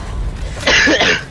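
A single loud, harsh cough burst after a moment of quiet room noise; an ordinary cough.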